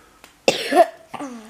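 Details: A single harsh cough burst from an adult woman who is ill while reading a bedtime fairy tale aloud, then a short voiced sound; a plain cough.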